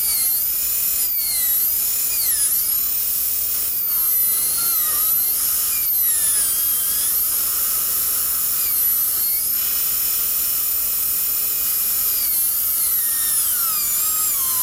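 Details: High-speed dental drill with 170L carbide bur refining lingual preparation and placing pin-hole recesses on maxillary right teeth for a 3-unit anterior bridge: steady high-pitched whine, pitch dipping briefly as it cuts.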